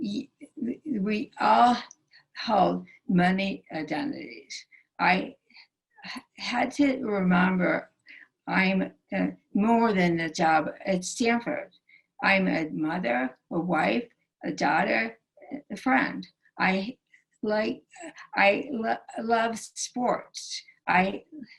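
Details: Aphasia in a female stroke survivor, present since her 2011 stroke and recorded June 2020; the stroke initially took away all her speech.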